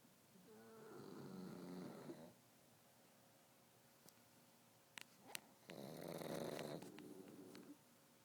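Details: Pugs snoring while asleep, one sleeping with her eye open: loud fluttering, rattling breaths on inhalation with quiet pauses between, over light room noise; snoring.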